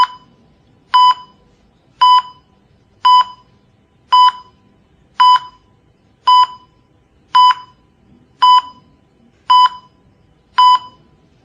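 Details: Cardiac monitor sound effect: clean, steady electronic beeps about 56 a minute, one per heartbeat, tracking a regular rhythm; from a set covering asystole, ventricular tachycardia, isoelectric line and resuscitation with paddle shocks.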